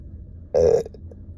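A single deep, low, voiced belch lasting about a quarter second, rising out of quiet room noise.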